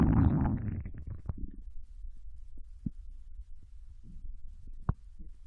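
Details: Young Japanese woman's intestine sounds while digesting ramen and potato chips: a loud gurgling rumble, then scattered short pops and gurgles; normal bowel sounds.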